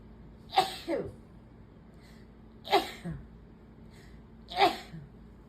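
Three separate sneezes about two seconds apart, each a sharp burst with a short follow-through. Repeated sneezing, as with allergy.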